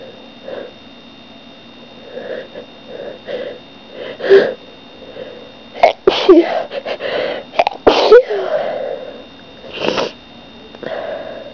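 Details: Person sneezing often lately, cause unknown: several explosive sneezes with sharp bursts of air and breathy wind-ups between them; repeated sneezing.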